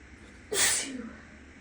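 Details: Single sharp, hissing sneeze from a person who is still a little sick, induced with clothing tags in the nostrils, recorded in an echoing bathroom with a fan running in the next room.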